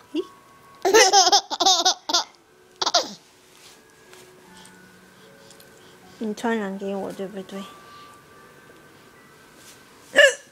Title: Hiccups are funny when mom and daughter have them together